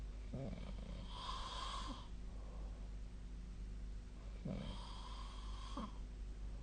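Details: Two rough, fluttering snores on breaths in, about four seconds apart, over steady room hum, recorded during sleep; ordinary sleep snoring.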